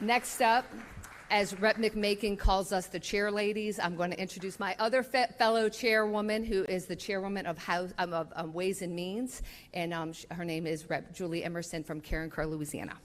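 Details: Adult woman speaking; normal voice.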